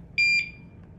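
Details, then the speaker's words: Home infusion pump for IV milrinone, demonstrated by a nurse, switched on: two short high-pitched electronic beeps joined together then fading, the routine alarm check at power-on, a normal start-up sequence. "All right, I'm going to turn the pump on. When you turn the pump on, it's going to tell you who makes the pump. Those are the alarm"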